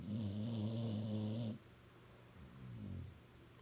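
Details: Dog napping: one loud, buzzing snore followed by a quieter rumbling breath; ordinary snoring.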